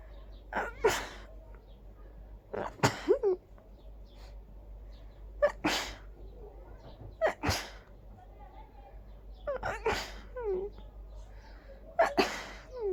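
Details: Sneezing fit of big, itchy sneezes the person felt miserable with: six forceful sneezes in quick succession, each with a sharp inhaled lead-in, over about thirteen seconds.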